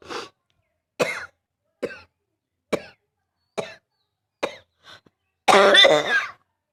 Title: Barky Cough (f)